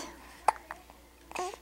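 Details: Infant girl with hiccups: one sudden, sharp little catch in a quiet room, then faint mouth and breathing sounds as she tries to suck her finger; infant hiccup.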